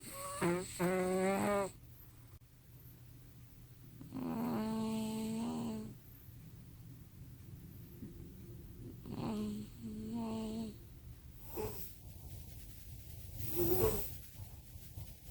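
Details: Loud, drawn-out rattling snores with quiet breathing between them from two sleepers snoring together; ordinary snoring.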